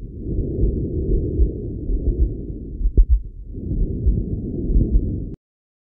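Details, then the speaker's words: Tracheal breath sounds over the neck of a healthy person on stethoscope auscultation: intense, harsh, high-pitched rushing in both phases, slightly stronger on expiration, with a marked pause between phases. "neck these sounds are intense harsh high pitched audible in both phases of ventilation but slightly stronger and expiratory with a marked pause between the two phases"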